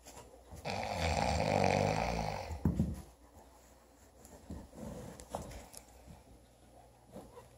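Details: One loud, rough, low rattling breath lasting about two seconds, followed by quieter breathing noises; snoring.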